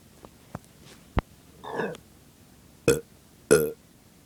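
A few small clicks, then a longer rumbling belch and two short, loud burps: repeated burping.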